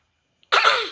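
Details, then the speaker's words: A single short, harsh, hacking cough burst from a dog said to have caught a cough. "खांसी हो गई। भो खांसी हो गई। भो को खांसी हो गई।"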